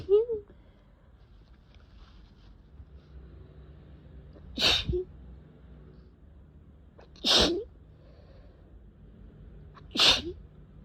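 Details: Uncontrollable repeated sneezing with an itchy face: three sharp, explosive, wet sneezes a few seconds apart in a quiet room, each preceded by a brief intake of breath.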